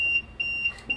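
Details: Rapid high-pitched repeating beeps, about four a second: a ventilator low-pressure alarm during hands-on rapid sequence intubation ventilator training for hospital nursing staff.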